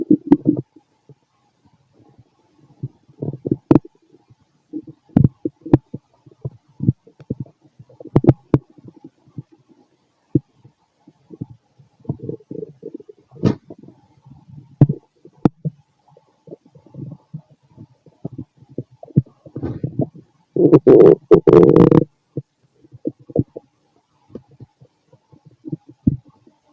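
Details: Fit adult male abdomen after a bowel movement: frequent gurgling and popping noises with a louder prolonged rumble, typical active bowel sounds (borborygmi).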